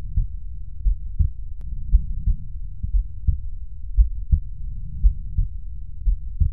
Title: Auscultació cardíaca